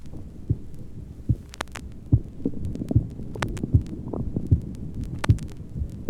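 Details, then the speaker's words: Healthy 23-year-old male with no history of heart disease, recorded at the cardiac apex: regular lub-dub at about 77 a minute, normal heart sounds, with gurgling bowel sounds because he is hungry late in the afternoon. "for comparison a heart sound tracing is taken from a normal 23 year old male who has no history of heart disease and is perfectly well the first tracing is taken from the apex of the heart"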